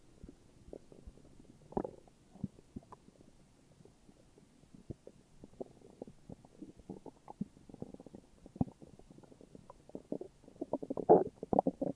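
Soft, irregular gurgles and low rumbling growls that build toward the end; ordinary stomach growling.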